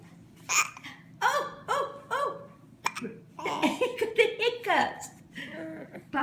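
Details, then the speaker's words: Baby with hiccups: several short, abrupt hiccup sounds at regular intervals, with adult talk and cooing in between; infant hiccups. "did you have the hiccups their cups the baby has it goes papa oh listen Oh"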